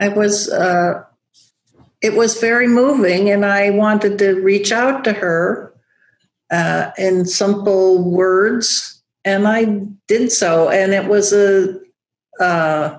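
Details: Adult woman with aphasia after a large stroke affecting Broca's area, still with word-finding difficulty; aphasia.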